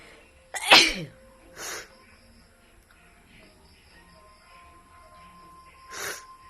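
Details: Sneezing: one sharp explosive sneeze followed by softer bursts, with a tonal sound in the background.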